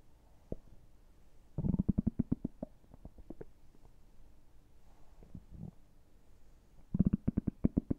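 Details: Ordinary active bowel sounds: bursts of low rapid gurgling pops separated by quiet stretches from a gurgling stomach; borborygmi.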